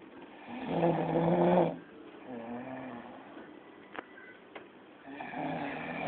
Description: this man snort like a dead man